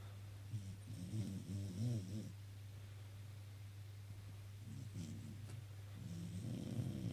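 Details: Sleeping dog snoring: low, rumbling snores on each breath over a steady electrical hum.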